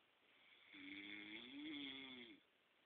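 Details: Adult man snoring: a single drawn-out, buzzing, tonal snore lasting under two seconds, rising slightly in pitch during the breath, in a quiet room.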